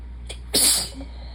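A short intake followed by one sharp, explosive sneeze.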